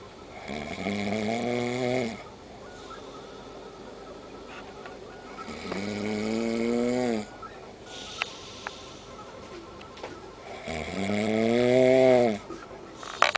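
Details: Adult man snoring in a hostel: loud, rumbling snores in three long bursts, about 12 a minute, with quiet gaps between.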